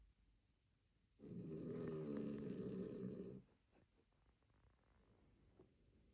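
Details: Puppy's very loud snoring: one loud, rattling snore of about two seconds in a quiet room; described as noisy.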